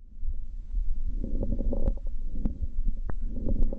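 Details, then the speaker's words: Lung auscultation example of rales (crackles) from fluid in the lungs, EMS teaching: brief scattered popping clicks over breath sounds with a low rumble. "this is rails some people call it crackles so what rails is we have fluid in the lungs"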